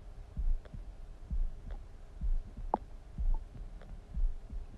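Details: Person's own stomach noises (borborygmi): low, soft rumbles and gurgles recurring through a quiet background, with a few brief higher squeaks; ordinary bowel sounds.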